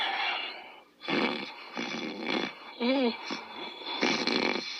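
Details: Sleeping dog snoring: irregular rough, snorting breath sounds with one brief whine-like squeak.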